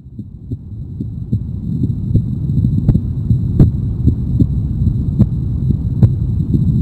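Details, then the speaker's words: Normal heartbeat of a pregnant mother, recorded to make a CD for her baby: steady low thumping at about 75 beats a minute over a faint hum. "妊娠中のお母さんの心音には、子どもさん、成長していく中での安心できる音だということですごく大きな力があると言われています。"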